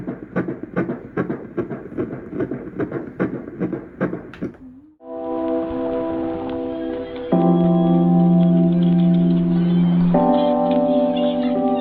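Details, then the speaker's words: Fetal heartbeat on ultrasound: a rapid, regular whooshing heartbeat at about 150 beats per minute, followed by organ music. "i got footage of the heartbeat finally so i'm going to close out the video and after i close out i'm going to you know insert a little clip of little baby and the heartbeat"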